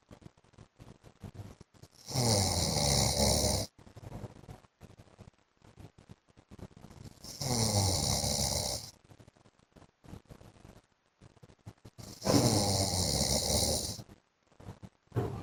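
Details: Adult man (husband) snoring during sleep: three loud, harsh, vibrating snores about five seconds apart, roughly 12 a minute, with quieter noise between; heavy snoring.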